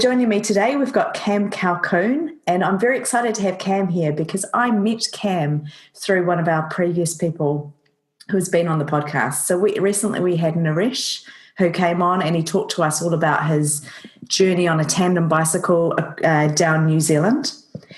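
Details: Adult speaker; normal speech.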